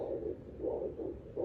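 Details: Handheld fetal Doppler used at 12 weeks pregnant; swishing, pulsing whooshes, about three in 1.5 seconds, the mother's own heartbeat, not the baby's.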